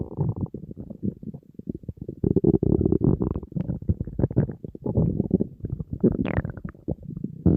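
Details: Steady low rumbling and gurgling with a brief rising squeal from an empty stomach of a hungry person on a diet: hunger growling (borborygmi), a normal gut sound.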